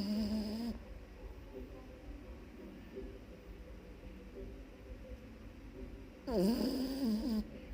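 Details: Loud, rough, rattling snoring from a sleeping puppy, separated by a quieter stretch.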